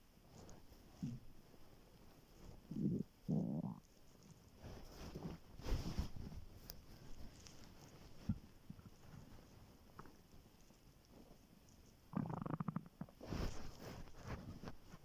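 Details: Stomach growling on waking in the morning after no food, very hungry before skipping breakfast: quiet gurgles and low rumbling growls coming and going over soft background noise; borborygmi.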